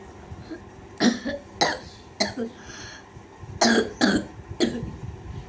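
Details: Child with acute barking cough that began after getting soaked in rain coming from school: six harsh, abrupt, hollow barking coughs in two groups, produced on request during a clinical examination.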